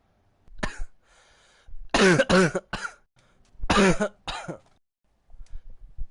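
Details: Coughing fit described as barking: about six harsh, partly voiced coughs in two close clusters.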